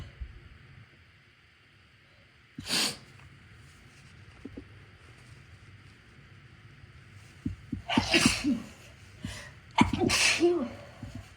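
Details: Person with a cold inducing sneezes because of a tickle in the left nostril, switching between nostrils: a short sneeze, then a louder burst of two to three sneezes amid sniffing.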